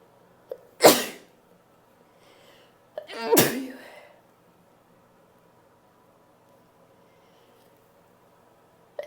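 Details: Attempted sprayed sneezes from a female: two sharp explosive sneezes, each preceded by a brief inhalation, in a quiet room; sneezing.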